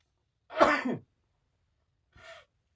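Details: Person sneezing into a handkerchief during a sneezing fit, then apologising: a single sharp sneeze burst followed by a short, soft breathy sound in a quiet room.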